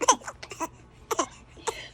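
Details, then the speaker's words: Infant deliberately fake coughing for attention: several short, high-pitched, forced cough sounds, not from illness, while an adult tells the baby to stop fake coughing. "thôi, thôi đừng có ho giả bộ với tôi đi. Ghê. Trời ơi, ho giả bộ nó ghê quá luôn á."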